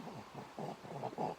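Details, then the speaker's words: 2-month-old baby boy, sitting calmly with hand to mouth, makes short snuffly, stuffy, congested breathing noises; nasal congestion. "i don't know if you can hear that that stuffy noise yeah he keeps finding it sounds stuffy too i don't know what that's about right are you snuffy sounding"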